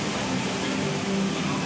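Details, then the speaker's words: CPAP machine used for the wearer's sleep apnea, clean unprocessed sound of its airflow through a nasal cannula before vocal effects: a steady, even rush of air with faint busy-room hum behind. "right that's a clean tone of the CPAP machine now let's get that with some of the cool effects from the event"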